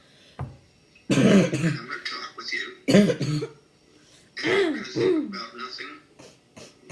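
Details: A child with chronic non-productive (dry) habit cough gives three loud, harsh, dry bursts of coughing, some with a honking quality, separated by short pauses.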